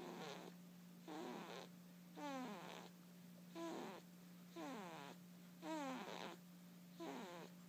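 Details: Soft, regular snoring from a sleeping cat, about 17 breaths a minute, with a steady hum in the background.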